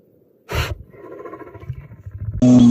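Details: Lion sneezing: one sharp explosive burst followed by a low throaty rumble, a single normal sneeze.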